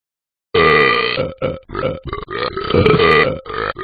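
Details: Simulated burp from the Talking Ben the Dog phone app: a long, loud, voiced burp broken into several deep pulses; burping.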